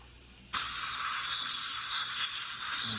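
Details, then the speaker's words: Dental suction during a root canal of maxillary second molar #15, after bleach irrigation of the canals: a sudden loud hiss as the vacuum starts, drawing water and rinse out of the tooth. "Okay, and a little water coming. Okay, we're gonna vacuum that."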